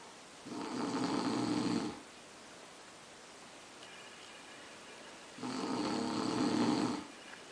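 Two long, rough, rattling snores with a quiet pause between them; ordinary snoring.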